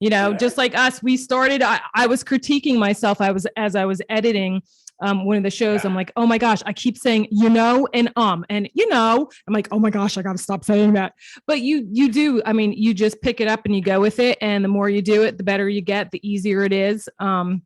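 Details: Adult woman speaking; Typical speech.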